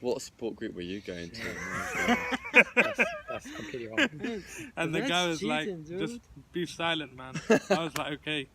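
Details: Adult who stutters, taking part in a stuttering support group discussion; stuttering.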